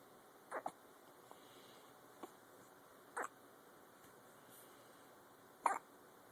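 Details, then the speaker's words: A dog with recurrent hiccups: short, sharp gulping spasms every few seconds over a quiet room. "got the hiccups, little man? Liam, they just won't leave you alone, will they?"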